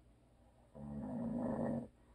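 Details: A husband's habitual snoring: a single long, rough, vibrating snore lasting about a second during sleep, with faint room noise.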